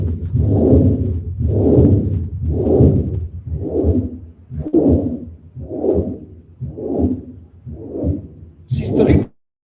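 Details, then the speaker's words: Racing horse failing to win at race end, otherwise normal exam; murmur found on cardiac auscultation: slow, fairly regular heartbeat near 57/min, each beat followed by a long rumbling whoosh, a systolic heart murmur. "And the vet that followed the horse had a murmur on auscultation. Physical examination was, as in most of the cases, normal, yeah? And cardiac examination gives this murmur."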